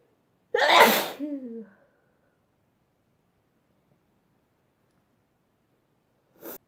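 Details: Sneezing compilation clip: one loud voiced sneeze with trailing vocal sound, then silence and the start of another sneeze at the end.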